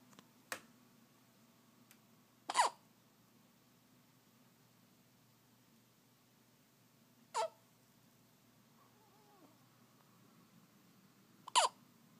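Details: Sleeping baby gives short, sharp hiccup sounds a few seconds apart while asleep; infant hiccups.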